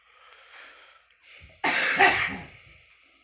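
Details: Girl smoking: a breath in, then one harsh, rattly cough burst that trails off; a cough while smoking.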